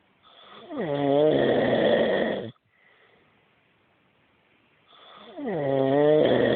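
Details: Adult husband snoring loudly in his sleep, as he does every night: two long, loud, buzzing snores on breathing in, separated by a quiet breath out.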